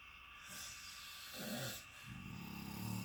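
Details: Travel companion snoring in a shared hotel room: rough, rattling breathing noises with a low fluttering quality over a few seconds; snoring.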